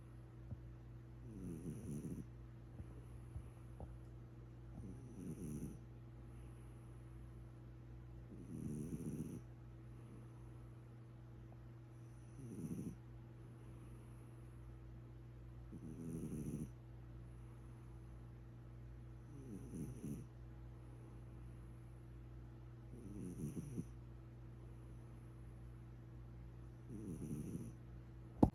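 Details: Cat snoring while asleep: soft, regular snoring at about 17 breaths a minute over a steady low hum.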